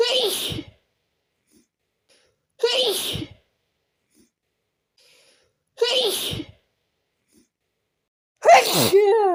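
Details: Sneezing fit induced by sniffing chhinkni sneezing powder: four forceful sneezes about three seconds apart, the last louder with a voiced finish, with nose blowing.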